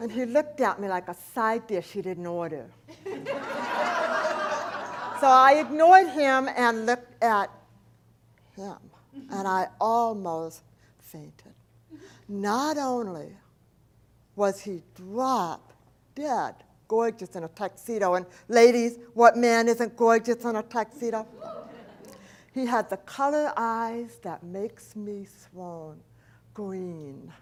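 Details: Adult woman, profoundly hearing-impaired since age four, when a 106-degree fever destroyed about two-thirds of her hearing; she describes a speech impediment, not an accent; deaf speech.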